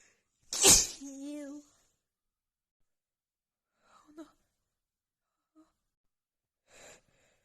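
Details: Woman's sneeze attack after about an hour outdoors in snowy cold weather, with a runny nose and dust: one loud, sharp sneeze with a voiced tail, then faint sniffs and breaths.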